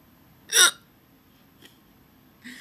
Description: I have the hiccups